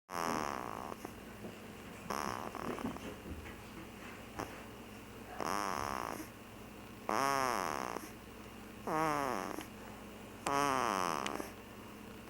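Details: Six rhythmic, rattling snores at about 30 a minute, each a drawn-out vibrating in-breath, over a steady background hum.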